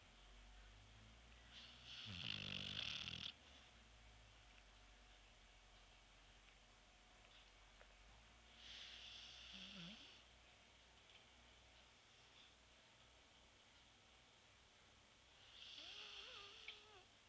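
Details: Sleeping shar pei dog snoring: three loud, rasping snores about seven seconds apart over quiet room noise.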